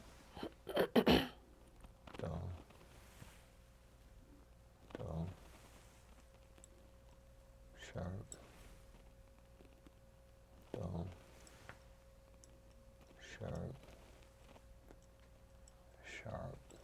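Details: During a chiropractic neurological exam role-play (sharp/dull sensation testing) in a quiet room: six short, abrupt voiced catches about three seconds apart over a faint steady hum; repeated hiccups.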